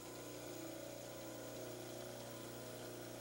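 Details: Orthodontic plaster model (maxillary cast) being trimmed on a dental model trimmer: steady motor whine with grinding and running water.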